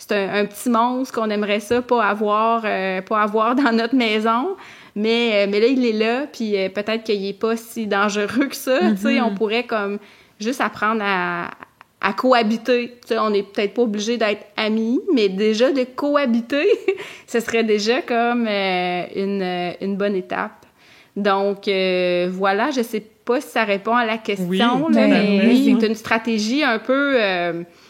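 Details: Adult woman who stutters, also a master's candidate in speech-language pathology, speaking in a podcast conversation; stuttering in continuous speech.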